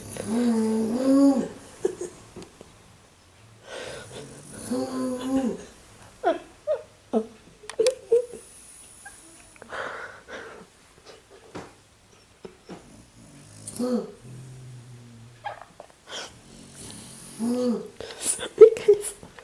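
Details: Adult woman (a mother) snoring during sleep: irregular snoring with high-pitched, squeaky, whistling tones between throaty snorts, giving unusual noisy breathing.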